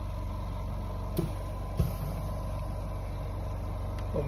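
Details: Perfect brand oxygen concentrator set to 5 litres producing oxygen, with a water humidifier bottle; steady low motor hum with a few handling clicks, running normally.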